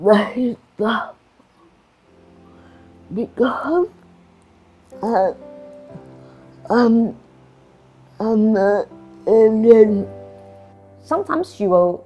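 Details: Adult woman with cerebral palsy and restricted movements; dysarthria (slurred speech).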